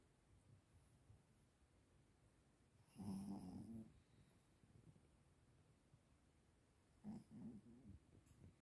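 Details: Sleeping dog, described as a snoring monster, gives two low, rumbling snoring breaths several seconds apart with soft snorting in between; snoring.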